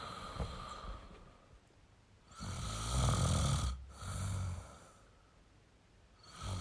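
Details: Adult male snoring: deep, rough snores on the in-breath, each followed by a breathy out-breath; ordinary adult snoring.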